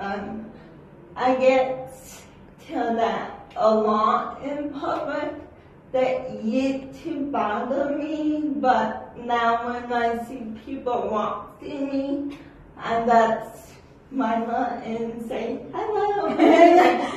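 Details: Adult woman with cerebral palsy who takes medicine for shaking and says not everyone in public can understand her speech; dysarthria (cerebral palsy).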